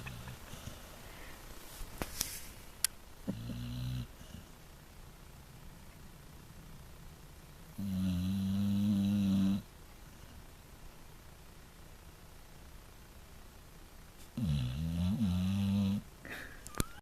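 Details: Pit bull dog snoring: loud, low, rattling snores about two seconds long, separated by quiet pauses of several seconds, against faint room noise.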